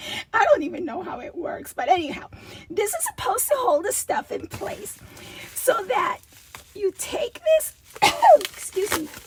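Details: Adult woman with a recurring double-voice episode that she says requires a return to voice therapy when it happens, with a rasp she feels vibrating below her vocal cords; diplophonia (double voice).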